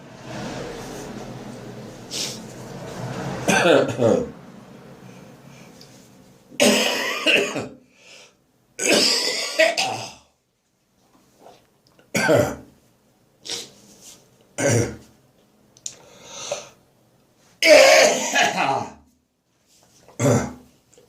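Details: Repeated harsh throat-clearing bursts and dry coughs, irregularly spaced, with gagging, during an ongoing morning coughing bout after bronchitis; dry post-bronchitis throat clearing and coughing.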